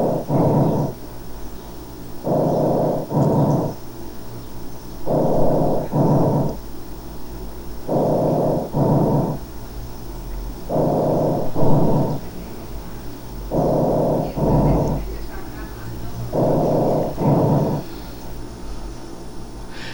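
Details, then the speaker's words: Normal tracheal breath sounds heard over the larynx, trachea and large bronchi, produced by turbulent airflow: loud, harsh paired breaths at about 21 breaths a minute. "es el ruido que escucharíamos nosotros y auscultar amos sobre la laringe sobre la tráquea sobre los bronquios mayores sobre los indios porque está dado por un patrón de flujo turbulento"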